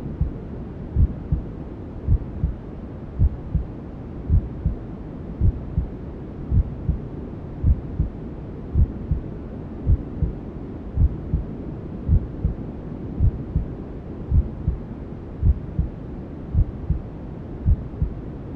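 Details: Simulated ASMR womb sound for settling newborns: steady, muffled heartbeat at about 54 beats a minute, presented as a mother's heartbeat heard in the womb, under a constant hiss of white noise.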